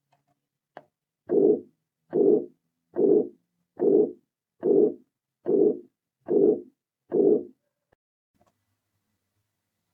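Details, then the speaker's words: Atrial septal defect murmur demonstrated in a physiology lab presentation: regular heart cycles at about 72 a minute, each with a soft, rushing systolic murmur. "también la hipertensión pulmonar ya que el flujo sanguíneo es adicional y puede llevar una hipertensión pulmonar progresiva a continuación vamos a escuchar su soplo"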